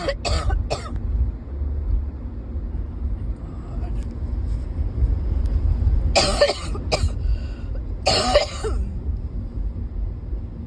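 Bursts of harsh coughing, a cluster at the start and two more later, over low traffic rumble; a persistent cough.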